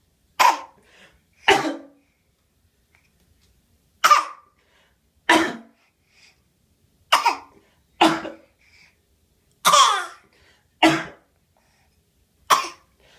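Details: Voluntary fake cough from an infant straining hard: nine short, forced cough sounds that are deliberate rather than from illness.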